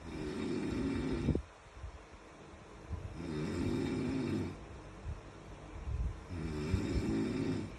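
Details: Loud rumbling snores on each breath in, with quieter gaps between; ordinary snoring during sleep.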